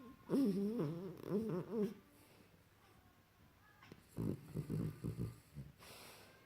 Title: Funny Dog Snoring Loudly